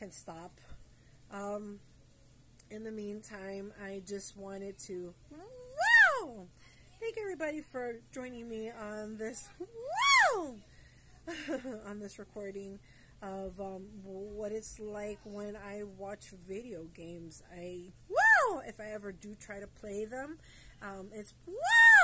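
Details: Vocal tics in an adult woman with Tourette syndrome, triggered by watching video games with flashing lights and noise.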